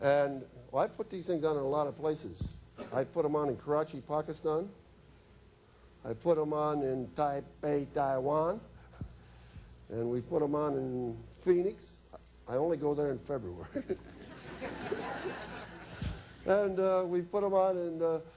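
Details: Adult male speaker; normal speech.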